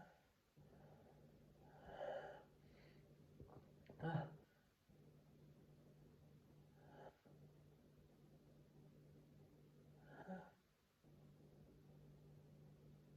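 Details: Man sneezing, some sneezes stifled, half stifled or not stifled: several soft, partly held-back sneezes over a steady low room hum.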